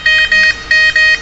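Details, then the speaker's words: Infusion pump alarm: repeated high-pitched electronic beeps in quick bursts, triggered by opening the pump door (error 4). "Jadi seperti ini, dia akan berbunyi ya, alarmnya."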